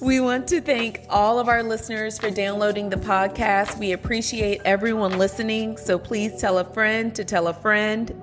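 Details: Adult woman speaking; Normal fluent speech.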